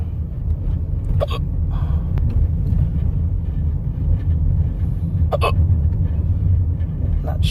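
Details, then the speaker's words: Recurrent hiccups that came on for no apparent reason: three brief, sharp catching sounds a few seconds apart under heavy road rumble; hiccups. "I got I got the hiccups again."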